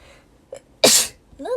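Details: Adult woman: a short intake of breath, then one sharp, hissing sneeze.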